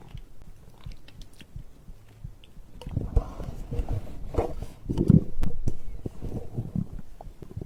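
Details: Low irregular gurgling and squelching rumbles from the gut; ordinary digestive bowel sounds recorded after drinking a beverage.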